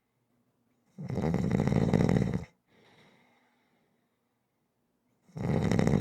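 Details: Rhythmic snoring, fading to black screen at the end; snoring.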